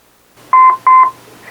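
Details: EMT cardiac arrest management training station, AED analyzing rhythm during simulated pre-hospital arrest with CPR: two steady mid-pitched electronic beeps alerting rescuers to stand clear; AED alert beeps.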